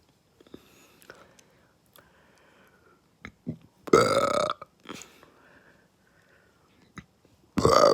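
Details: Burping in the dark, attributed to fast food: two loud, forceful, drawn-out burps with faint whispering and small noises between; belching (eructation).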